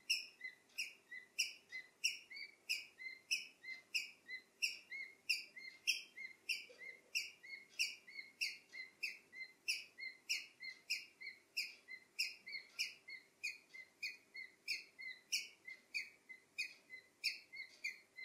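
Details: Male cockatiel that suddenly began making a weird sound all night after an afternoon caged outdoors in the garden, and died the next morning: rapid, steady high-pitched squeaks, about two a second, suggesting wheezing and respiratory distress.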